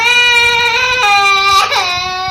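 Sustained, high-pitched wailing cry from a young child, steady and loud with a brief catch midway.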